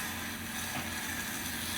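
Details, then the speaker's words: Suction machine switched on and checked for proper function before patient suctioning in a nursing practical demonstration: steady mechanical hiss and motor hum. "kita Nyalakan alat ya kita cek Apakah alat berfungsi dengan baik atau tidak ya ini alat berfungsi dengan baik ya teman-teman"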